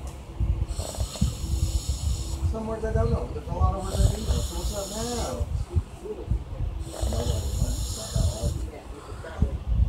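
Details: Adult man who denies snoring, asleep: rhythmic loud rattling snores, about three breaths in ten seconds, with quiet talking over them; ordinary snoring.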